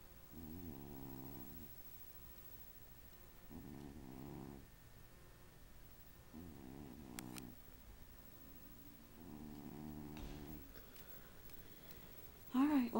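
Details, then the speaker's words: Carver, a sleeping cat whom the owner suspects has sleep apnea, snores in steady rumbling bursts about twenty breaths a minute with quiet gaps, keeping a Rottweiler awake. "You hear the kitty snoring? Is he keeping you awake? Are you unable to get any good rest?"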